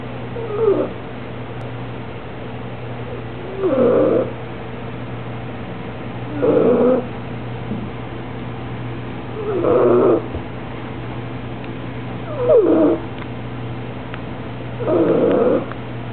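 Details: Soft snoring in a 6-month-old female Bulldog puppy: squeaky, snorting breaths about every three seconds, roughly 20 a minute, over a steady hum.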